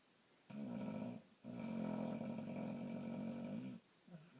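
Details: Boxer dog snoring: two long, rattling, buzzy breaths with a low fluttering vibration.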